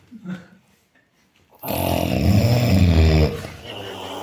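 Faint sounds, then one loud, deep, rattling snore lasting about two seconds, tapering into noisy breathing.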